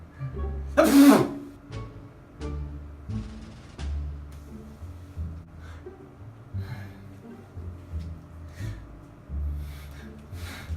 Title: Types of sneezes